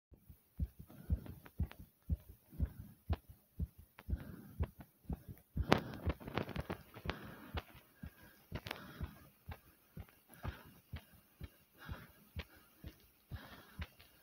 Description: my heartbeat was thumping due to me doing 50 jumps